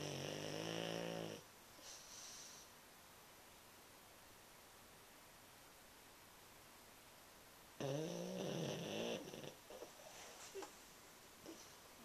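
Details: Sleeping pet snoring, tail twitching a couple of times: two loud, rough, rattling snores separated by quiet breathing.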